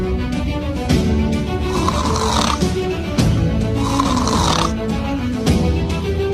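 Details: Snoring in sleep apnea: two rough, rattling snores over background music.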